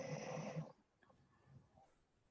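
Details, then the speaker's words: A sleeping female dog gives one rough, rattling snore, followed by quiet breathing and faint room noise. "is there what is this noise does it sound like a dog snoring a breathing of sorts yes that is my dog snoring"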